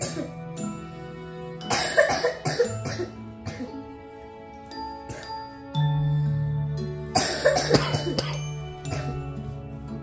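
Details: Continuous cough lasting minutes on a hot, humid summer day: two bouts of repeated, harsh coughs in quick runs over steady background music. Persistent cough.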